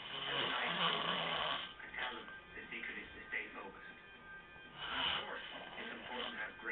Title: reg snoring